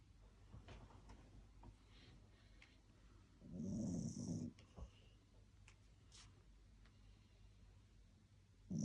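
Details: A Spitz dog snoring while asleep.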